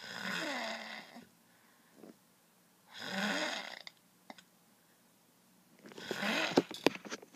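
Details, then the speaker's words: Very loud, harsh, rattling snores on each breath in, about 20 a minute, with quiet pauses between; heavy snoring. "my gosh guy you're so loud good night"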